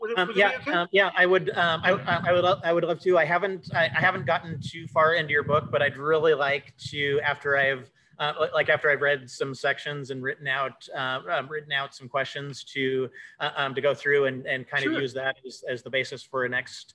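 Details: Adult man who concludes he has cluttering, which he says can sound very similar to stuttering, speaking in conversation; cluttering.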